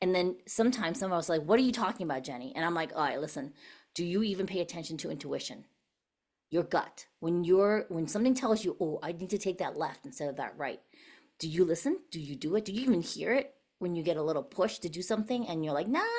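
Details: Adult woman; normal voice.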